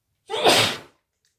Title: Achoo i'm sneezing